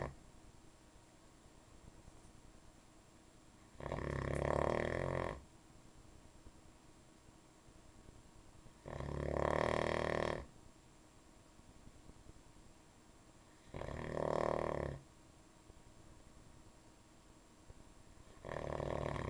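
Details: Logan's nightly snoring: regular rough snores about every five seconds, roughly twelve a minute, over quiet room hiss.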